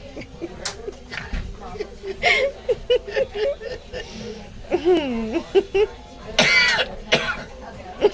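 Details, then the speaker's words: A child in hospital making short cough-like bursts and throat clearing mixed into chatter, imitating his father's cough; imitated cough. "he was even he was even mimicking your cough well there you are"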